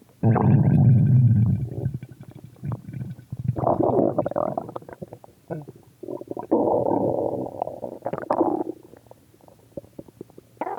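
Loud gurgling and rumbling with bubbly rolling runs and brief pauses: stomach growling, a harmless normal gut sound.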